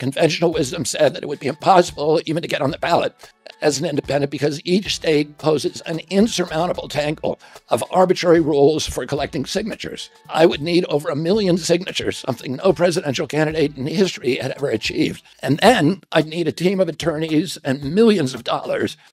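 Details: Adult male political figure (Robert F. Kennedy Jr.), real speech, said by narrator to have spasmodic dysphonia, described as a loss of his voice; spasmodic dysphonia.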